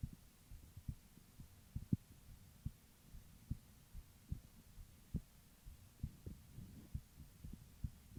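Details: Female heartbeat recording: soft, low, regular heartbeat thumps against faint background hiss; normal heartbeat.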